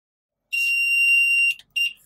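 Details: LTV 1200 ventilator being switched on during CPAP/BiPAP non-invasive ventilation setup: a steady, high-pitched alarm tone lasting about a second, then a brief second beep, which is the ventilator's normal power-up alarm.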